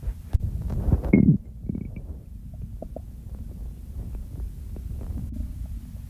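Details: Real recording of hunger stomach growls during the hungry phase before eating: low gurgling rumble with brief squeaks and bubbling pops, normal bowel sounds (borborygmi).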